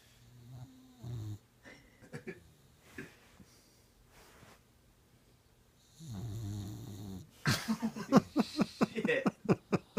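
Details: Female boxer puppy snoring with eyes wide open: soft snorting breaths, one long rough low snore, then quick sniffing and snuffling.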